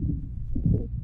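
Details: 3.5-month-old girl with congenital tracheal stenosis complicated by tracheobronchitis: coarse crackles with tracheal and bronchial breathing.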